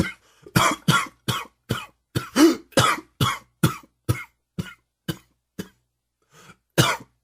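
A rapid run of about fourteen harsh coughs in seven seconds, tiring toward the end and then one more: a smoker's coughing fit.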